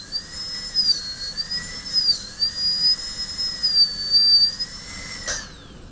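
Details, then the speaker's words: High-speed dental handpiece cutting a Class II preparation on a manikin typodont tooth (simulated), parallel to the oblique ridge at a pit: a steady high-pitched whine dipping slightly in pitch under load. "and I'm looking in the direction I want to cut I'm cutting toward my eye so I can't be too far"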